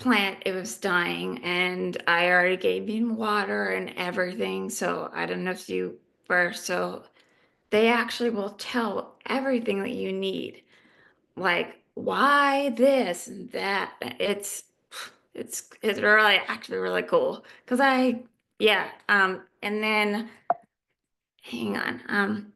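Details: Adult female living with aphasia who is in recovery; aphasia.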